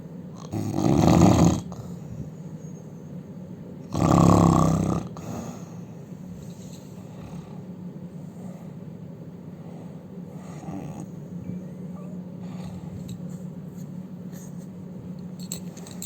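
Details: Indian man snoring loudly: two loud, harsh rumbling snores about three seconds apart, then quieter breathing over steady hum.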